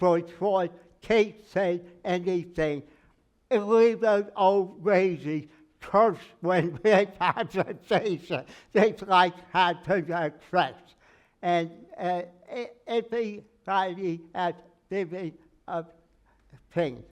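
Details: Aphasia in a man with word-finding difficulty, treated by a speech therapist who had him sing; he says it took 3 years to be able to talk.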